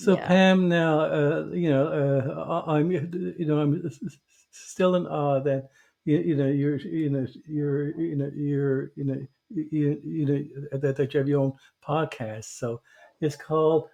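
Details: Adult who stutters, a covert stutterer for many years; stuttering.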